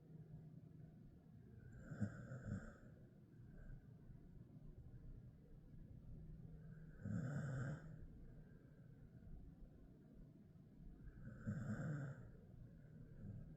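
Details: Ten-year-old male Jindo-mix dog sleeping, three soft, rough snoring breaths about five seconds apart, roughly 13 a minute, over low room noise; snoring.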